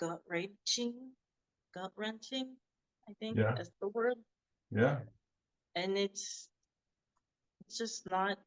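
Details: Adult woman who had a hemorrhagic stroke and could not talk for 2 years. She was first diagnosed with non-fluent Broca's aphasia and has since improved markedly. Broca's (non-fluent) aphasia, recovering.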